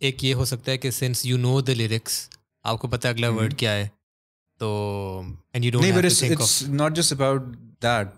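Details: Adult male speaker; no speech disorder.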